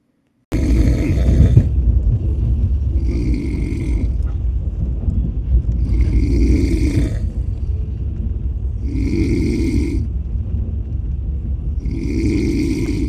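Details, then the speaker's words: Two or three fellow passengers snoring on an overnight AC 3-tier train berth: rough, rattling snores about every three seconds, roughly 20 a minute, over steady low train rumble. "ഒരു 10-15 minute കഴിയുമ്പോൾ ഇത്രയും കൂർക്കാൻ വലിയ, അത് ഒരാളല്ല കേട്ടോ, 2-3 പേര് same എൻ്റെ അതേ ഒരു ഇതിൽ എല്ലാവരും കൂർക്കം വലിയും. വല്ലാത്തൊരു ശല്യം."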